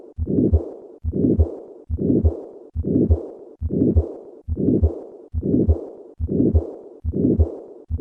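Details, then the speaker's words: Combined aortic stenosis and regurgitation murmur: the systolic murmur is played first, then the diastolic regurgitant component is added. "listen to a patient with combined aortic stenosis and regurgitation I will begin with the systolic murmur and then add the diastolic component"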